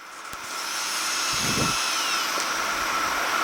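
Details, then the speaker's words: Drill thinning bone near the facial nerve during cochlear implant surgery: steady high-pitched motor whine with grinding on bone, under liberal water irrigation. Surgical otologic drill. "is they expose the facial nerve using a diamond bar, and they expose the chorda, then do posterior demeritomy."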